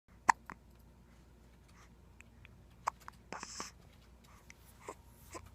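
Two sharp, brief hiccup sounds about two and a half seconds apart, with faint breathing and small sounds between; hiccups.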